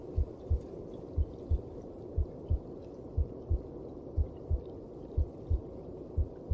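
Steady, muffled double thumps of a heartbeat at about 60 beats a minute over a soft whooshing background.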